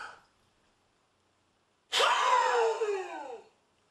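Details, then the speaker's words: Peak expiratory flow manoeuvre demonstrated on a Spirometric peak flow meter, indicator reset to zero: an inhalation ends, a brief pause, then one hard, fast blast of breath for about 1.5 seconds; reading about 550 L/min. "then what we're going to do is have the patient take a na maximum deep breath in followed by a fast exhalation out okay like this big breath"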